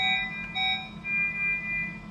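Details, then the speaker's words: Brief electronic tones as a hospital ICU syringe pump (infusion pump) is switched on with the power button; normal power-on start-up beep before setting the rate. "अब क्या करना है सबसे पहले machine को on करना है यह पावर ऑन बटन है मशीन को ऑन करते"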